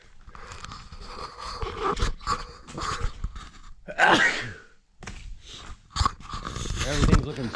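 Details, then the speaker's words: Adult sneezing from allergies after blowing out dust with an air blower in an art studio: a sudden forceful sneeze burst amid breathy sounds and room noise, with talk about sneezing again; ordinary sneeze. "oh gosh man oh man my allergies kicked in I just there's a dust storm in here today so I'm still getting the a this is the aftermath I'm about to sneeze again"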